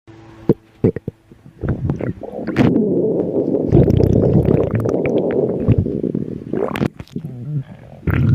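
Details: Loud, prolonged gurgling rumble lasting several seconds, with scattered pops and bubbling before and after; loud, hungry stomach growling.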